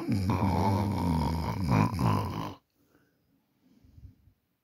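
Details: Person recording themselves asleep at 11:50 pm on a Samsung Galaxy A40 phone: one long, loud, rattling snore on breathing in, then quiet breathing out; ordinary snoring.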